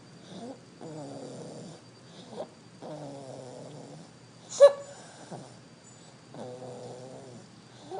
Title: I like 2 snore